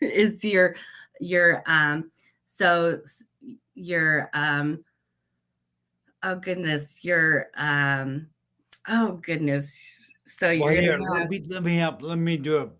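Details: Aphasia with word-finding difficulty after a stroke at age 38 in a woman; she practises daily, writing words she cannot get out on a board and Post-it notes, though she says she does not have aphasia.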